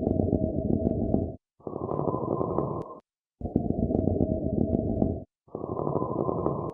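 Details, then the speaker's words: Stethoscope audio of a pleural friction rub: coarse, harsh grating noise on both inspiration and expiration over about two breath cycles, from inflamed pleural layers rubbing; such patients often have pain on deep breaths or coughing. "you're going to hear this harsh grading sound in addition your patient's probably going to have have pain especially when they take deep breaths in or they cough now let's listen to that audio of a plor friction rub"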